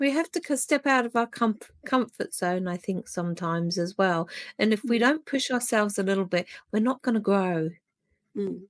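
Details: Adult woman speaking; Normal speaking voice.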